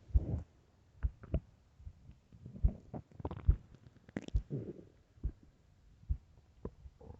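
Quiet irregular low gurgles and rumbles from the belly; ordinary stomach growling on an empty stomach.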